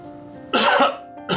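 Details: Adult with broken ribs having a coughing fit: two loud, harsh cough bursts with background music; cough.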